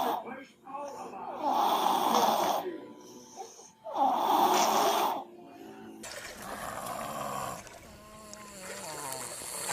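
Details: Infant snoring in a compilation of babies making noises: two rattly, snorting breaths, then a softer noisy breath, with background hiss.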